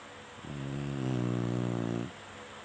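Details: Snoring from a sleeping Chinese Shar-Pei dog: a single long, buzzing, fluttering snore rising and fading over about a second and a half.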